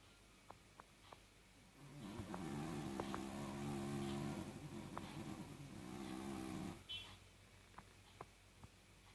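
A single long, buzzing snore with a rumbling low tone, set among quiet clicks and room noise from a small dog.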